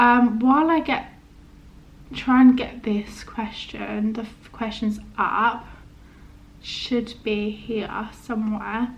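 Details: Adult woman with a stammer mainly of prolongations, blocks, occasional first-part-of-word repetitions and body tension, which she says is worse today due to stress; finding: stuttering.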